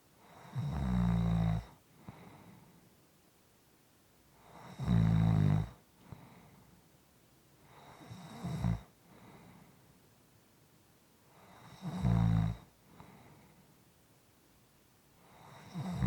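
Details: Soft, quiet snoring. Low, rumbling snores on each in-breath about every four seconds, with quiet breathing out between; snoring.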